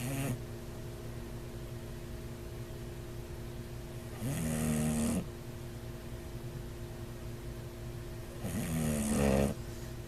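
Two loud rattling snores against a steady background hum, about 14 a minute, from a sleeping bulldog.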